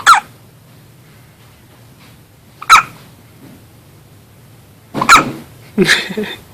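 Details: A baby girl's first hiccups: short, sharp, squeaky jerks at irregular intervals, about four in six seconds, likened to a little squeaking duck; hiccups.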